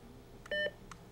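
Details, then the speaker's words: Philips HeartStart HS1 AED during battery-insertion self-test: a click as the flashing orange shock button is pressed, then a brief steady confirmation beep before the automatic self-test runs. "when the interactive part of the self-test is complete the defibrillator runs the automatic part of the self test"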